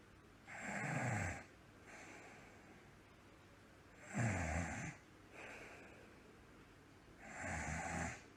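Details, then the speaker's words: Acted imitation of snoring by an animated character, not real sleep: slow rhythmic snoring at about 18 cycles a minute, rough buzzing inhalations alternating with softer breaths, as the character is made to snore like Numberblock 99 on the Waterloo & City line. "20 minutes later oh my God tails the game how dare you make me snore like a number block 99 in the Waterloo and City Line"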